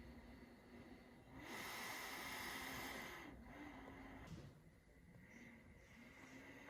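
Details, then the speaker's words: Steady airy whoosh of a travel CPAP machine that rises and falls with airflow, recorded with a sensitive microphone held right up to the machine; normal CPAP machine noise. "I'm going to put it right up to the machine, record a little bit of the noise from each machine, so you can get a bit of a profile on the noise the different machines make."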